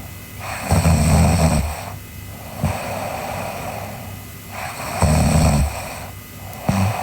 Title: Sleeping Girl Snoring (ICDM) Part 2